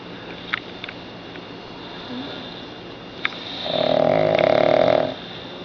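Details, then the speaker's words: A pug sleeps on his back on his owner's chest on a couch while both sleep; one drawn-out, nasal, droning snore in a quiet room with a few clicks; it is unclear whether the man or the pug is snoring. "sound asleep. Can't tell who's snoring, the man or the pug dog. You cannot tell, man or pug dog."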